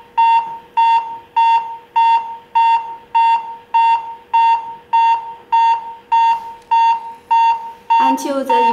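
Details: Steady electronic metronome beeps at about 100 a minute from the AED-7000 biphasic automated external defibrillator during an operation demonstration, pacing CPR chest compressions; a voice prompt starts at the end.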